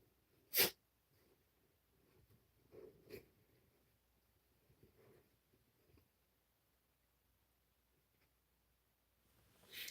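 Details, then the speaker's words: Dog with a recent cough, treated with medicine by the vet, gives a single sharp, hissy sneeze followed by softer snorts and sniffs in a quiet room. "Oh, you can hear my dog? You heard her sneeze? Or are you talking about you? I guess you're talking about her because she did just sneeze."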